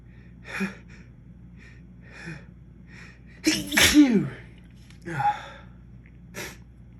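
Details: Adult after a gym session, nose feeling very ticklish: several catching breaths build to one loud wet sneeze, then a smaller sneeze and short breaths; itchy wet sneezing, leaving the sneezer congested.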